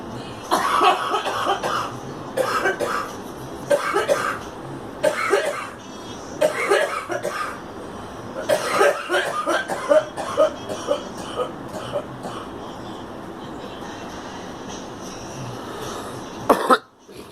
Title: Girl coughing